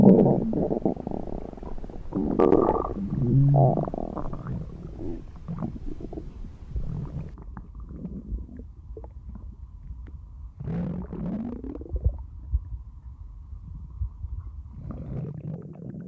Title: Stomach Grumbling (No Talk)